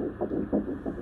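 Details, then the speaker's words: Rapid, regular whooshing pulses, roughly 200 a minute, from a fetal heartbeat heard at the first ultrasound of an early pregnancy. "Oh, they're so cute. Is that their little heart? Yeah."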